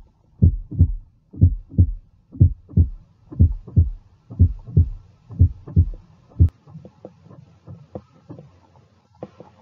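Regular paired heart sounds, 'lub-dub', at about 60 beats a minute; normal S1 and S2.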